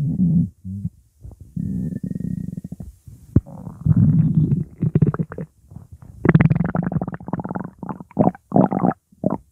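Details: Bubbly hungry tummy noises: low gurgling rumbles and bubbly squelches in bursts with brief pauses, bowel sounds (borborygmi) from an empty, hungry stomach.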